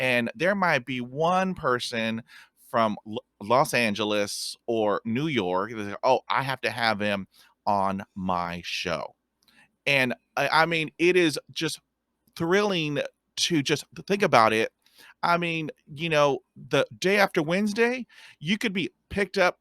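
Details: Stuttering in a podcast host who describes himself as a person who stutters and has a speech impediment.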